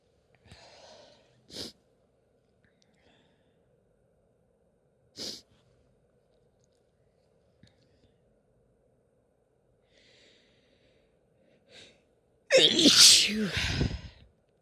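Series of sharp sneezes separated by quiet breaths, ending in a louder forceful sneeze; a sneezing fit.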